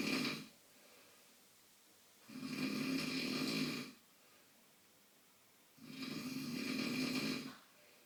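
Long, loud, rumbling snores on each breath in, about 17 a minute, with quiet pauses between. Heavy snoring.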